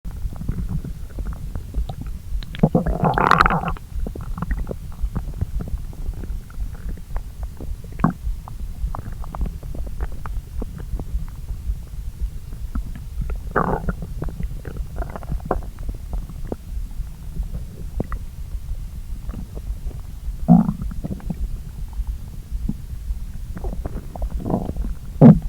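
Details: Borborygmi from an empty stomach digesting a late brunch of pasta after skipping breakfast: low continuous gurgling with scattered bubbling pops and a few louder squelches, active digestive rumbling.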